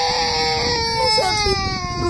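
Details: Loud, sustained wailing cry of a baby with falling pitch.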